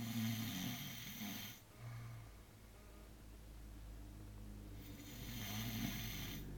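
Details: Elderly woman (grandmother) asleep, snoring loudly: low, rumbling snores with a slow rhythm, separated by quiet breathing, with some room noise; snoring.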